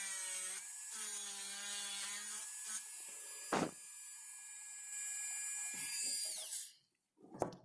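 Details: High-speed dental handpiece whining in short bursts with pitch drops during cusp-by-cusp occlusal reduction of a typodont mandibular first molar (#36) for a full veneer crown. A finger rest is on the premolars' buccal surfaces.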